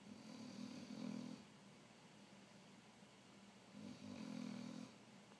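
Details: Sleeping mastiff puppy snoring: two long, low rattling snores about three seconds apart over steady room noise.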